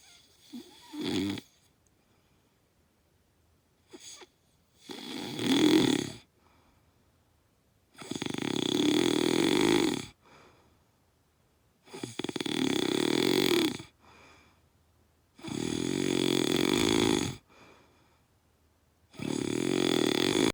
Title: Loud Snoring pt.2